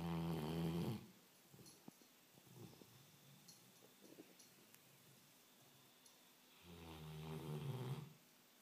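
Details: Sleeping dog snoring: two deep, rattling snores about six seconds apart, with soft snuffling and small noises between them.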